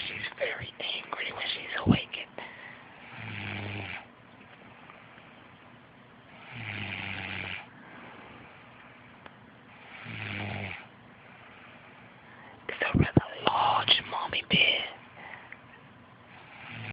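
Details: Low rattling snores on inhalation roughly every three to four seconds, with scattered shuffling and brief voice-like sounds between; sleeper jokingly narrated as a hibernating mother bear; snoring.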